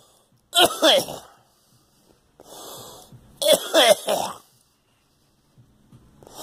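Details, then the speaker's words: Adult with a persistent cough since a flu shot, bringing up clear phlegm and retching; two harsh, rattly, strained coughing bouts with a gagging edge and a noisy breath between: productive cough. "Since I had the flu shot, it's been fucking damn it, it came up again. Damn phlegm."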